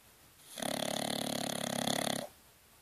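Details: Bulldog sleeping: a single buzzing, fluttering snore under two seconds, typical of a flat-faced dog; snoring.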